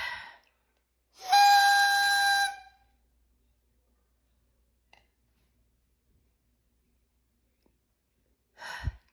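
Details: During a deep inhalation in a Pulmicort (budesonide) inhaler technique demonstration, a steady, clear whistle lasts over a second; a training inhaler whistle showing a strong enough inhalation.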